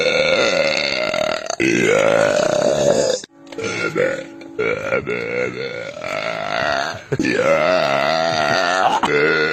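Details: Belching (eructation).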